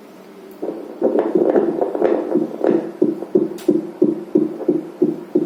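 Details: Simulated fetal heartbeat from a simulator during fetal Doppler calibration, at the 184 bpm test point. Rapid rhythmic whooshing Doppler beats at about 180 a minute.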